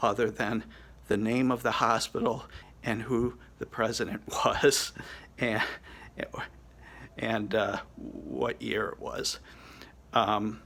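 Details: 50-year-old man with Broca's aphasia after hemorrhagic stroke from an arteriovenous malformation and three craniotomies in November 2017, under a year into recovery; can speak slowly but not form fluent sentences; Broca's aphasia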